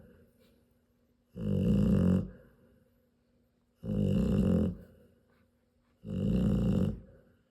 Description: My Serbian import Mamma Odea sleeping - snoring loudly while she nurses her 10 three day old Rottweiler puppies.